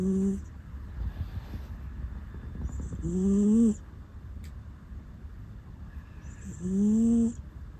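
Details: Sleeping rescue cat on a bed with an electric blanket, which always snores while asleep: soft tonal 'puu' sounds on each breath, about 17 a minute, over a low steady hum, harmless snoring.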